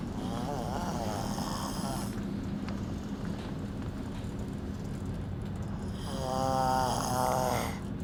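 Two fluttering, vibrating snore-like breaths separated by several seconds of steady hiss and hum; snoring.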